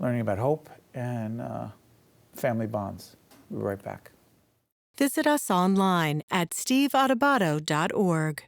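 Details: Adult speakers, likely a host then an announcer; ordinary speech.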